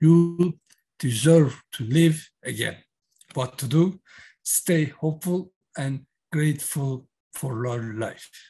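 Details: Aphasia in a man who had a massive stroke in October 2016 at age 42; he reports word-finding frustration.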